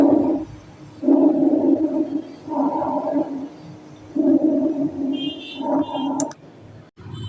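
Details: Bronchial breath sounds.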